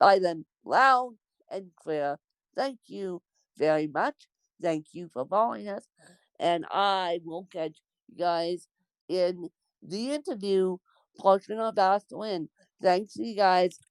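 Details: Adult woman born with cerebral palsy; dysarthric speech (cerebral palsy).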